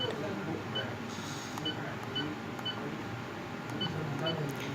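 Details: Short, evenly spaced electronic beeps over faint room noise: keypad presses while an Acromed infusion pump is programmed to start a heparin infusion.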